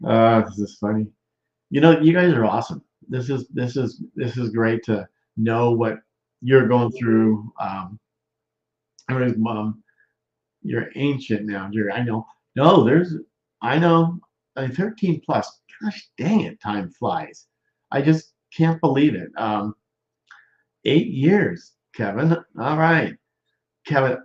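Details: Broca's expressive, non-fluent aphasia in a male stroke survivor more than 13 years post-stroke, with word-finding difficulty, trouble with function words, word substitutions and halting speech.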